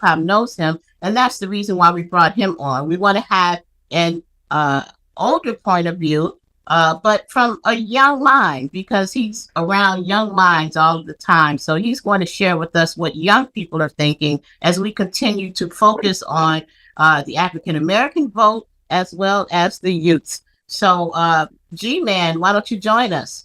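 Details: Adult woman speaking; ordinary speech.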